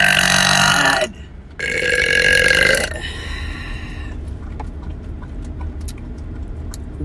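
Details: Burping: two loud, prolonged burps, each about a second or longer, fading into background noise with faint clicks.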